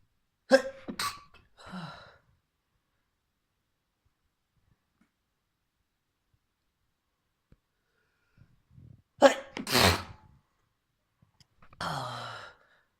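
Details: Trans girl inducing sneezes with a fluffy white feather: a run of forceful, messy sneezes in two bursts, several per burst, with sharp inhaled catches and wet blowouts; sneezing fit.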